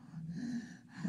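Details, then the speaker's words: Young child with sleep-disordered breathing, recorded asleep on 6 February 2009: snoring, mouth breathing without nasal congestion, a breath-hold with no air reaching the lungs, then a sudden gasp for air after obstructive apnea. "there he goes saw that now he's gasping for air the breath they took beforehand he was actually not getting anything into his lungs"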